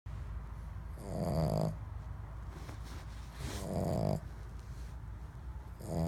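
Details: Snoring in a sleeping woman: loud, rattling snores on each in-breath about two and a half seconds apart, with quiet breathing out between them.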